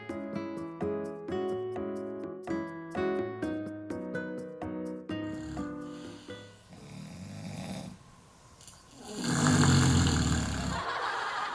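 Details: Heavy snoring from a man asleep wearing a mask on a TV variety show: after gentle piano music, a loud, rough, low snore on a single inward breath.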